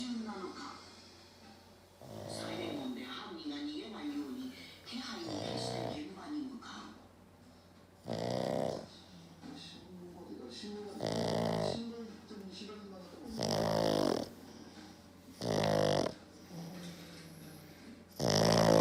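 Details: Loud rasping snores from a black pug about to fall asleep, roughly 22 irregular breaths a minute, with quieter snuffling between; snoring.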